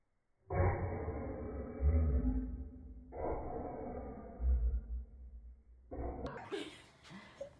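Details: Slow-motion coughing fit of a dog: deep, drawn-out, rumbling cough bursts in quick succession.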